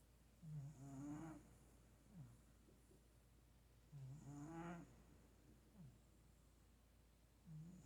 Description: 4 minutes of my cat snoring. Skip around for different tunes.